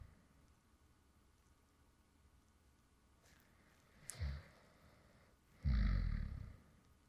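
Two low snorting snores after a quiet stretch, the second longer and louder; light snoring.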